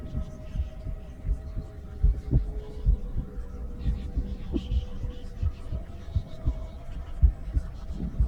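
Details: Female heartbeat recorded with a stethoscope, presented as real heartbeat audio at rest: soft, regular low thuds at a resting pace with a faint hum. Normal heartbeat.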